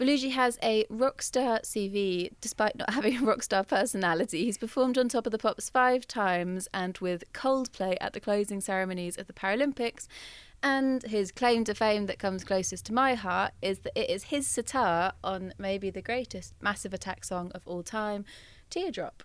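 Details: Adult female speaker; normal speech.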